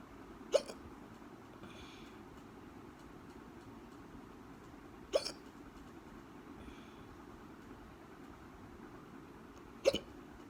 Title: Hiccups again